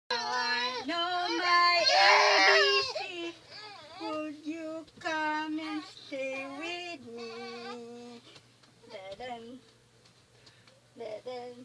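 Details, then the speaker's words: Baby crying while being soothed and held: loud, sustained wailing cries with brief pauses and whimpers, softening toward the end, in a quiet room. "ba't wala pang ano si baby e nag-iiyak e pinapatahan ko pa kawawa hinahawakan ha"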